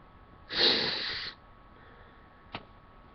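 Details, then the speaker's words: Sneezing in a person, apparently triggered with a Q-tip, felt incomplete: a single sharp, hissing sneeze burst under a second, then a brief sniff. "so hey oh i don't know what that was it was like a yeah it was a sneeze but like i feel like it didn't fully come out i hate when that happens"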